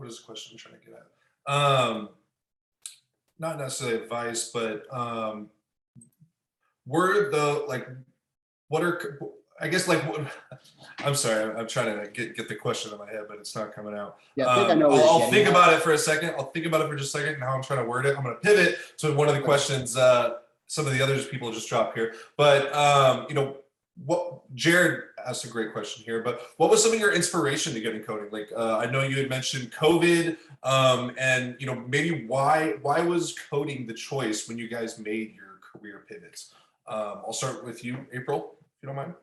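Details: Adult male speaker; typical speech.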